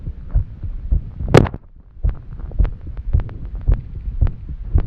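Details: Rapid, drum-like heartbeat of roughly 110 a minute with uneven spacing under heavy breathing noise, in a woman struggling to catch her breath after exercise; a fast, irregular rhythm.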